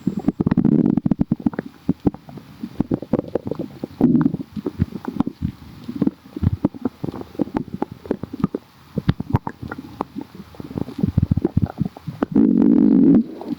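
Loud bubbly gurgles and rumbling runs from the stomach, with clicks and pops in between: ordinary bowel sounds.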